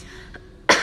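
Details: Cough during a demonstration of cough and sneeze etiquette, coughing into clothing as the correct method.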